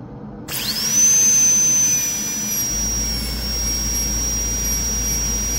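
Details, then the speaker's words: High-pitched whine of a dental high-speed handpiece spinning up and holding steady over a low hum, using a coarse diamond bur for an endodontic access preparation on an upper anterior tooth (#8) in an exam practice demonstration; drilling. "so I'm going to just use the uh coarse Diamond bird and those Z bir is always safer but the diameter is kind of big so you need to be careful"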